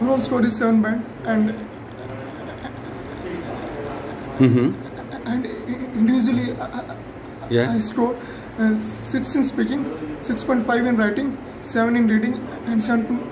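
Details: Adult male who stammers, speaking in an interview; stuttering.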